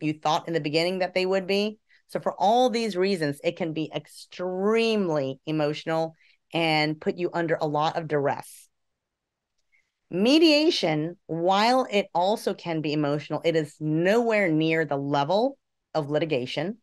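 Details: Adult speaker; ordinary speech.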